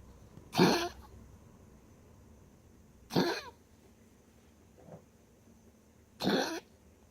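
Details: Dog after tracheal ring surgery, constant coughing while exhaling: three harsh, honking single coughs a few seconds apart with one faint catch between.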